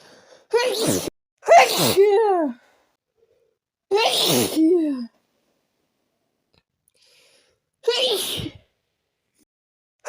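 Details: Four forceful sneezes in about ten seconds, each a sharp inhaled catch then an explosive burst, with quiet gaps; a sneezing fit after taking a little chhinkni (sneezing) powder.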